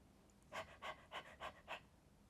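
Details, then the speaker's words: Periarrest, fatigued male dog in severe respiratory distress, severity rated utmost: five loud, harsh, labored breaths in quick succession, about two per second. "This is a periarrest patient. It's very hard sometimes to understand right away what's going on."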